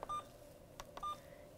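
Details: Two short high beeps with soft button clicks as a nursing instructor programs an infusion pump for a secondary line: 30 mL volume to be infused, vancomycin 500 mg in 100 mL over 60 minutes.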